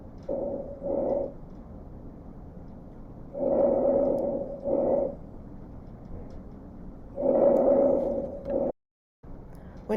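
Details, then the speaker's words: Diminished breath sounds from lung auscultation with the stethoscope diaphragm over intercostal spaces, one full respiratory cycle per site: muffled, reduced breath sounds at about 17 breaths a minute. "here is an example of a diminished breath sound"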